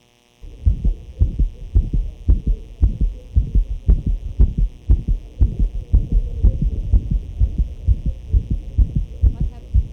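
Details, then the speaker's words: Fast, somewhat uneven canine heartbeat near 115 per minute with an extra sound between beats; murmur graded 4/6, arrhythmia evident, right side more intense due to seen defects. "So this sound or murmur was graded as grade four out of six meaning um"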